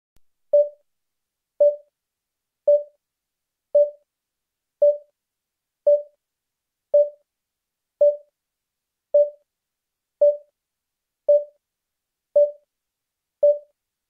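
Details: Simulated hospital vital signs monitor sound effect: steady single-tone beeps, about 56 a minute and evenly spaced; patient monitor beep.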